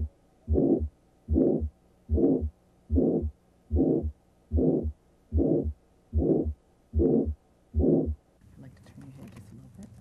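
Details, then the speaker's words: Example carotid bruit heard with the stethoscope bell over the neck: rhythmic whooshing, murmur-like bursts with each heartbeat, suggesting carotid artery narrowing. "Next, use the bell of the stethoscope to auscultate for a bruit on both sides of the neck. A bruit is a whooshing, murmur-like sound that suggests arterial narrowing. If present, it would sound like this."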